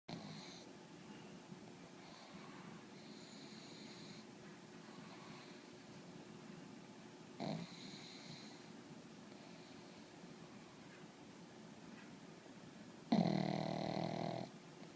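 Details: A sleeping pug snoring loudly enough to drown out the TV: soft snorting snores over steady room hiss, with a louder rattling snort near the end.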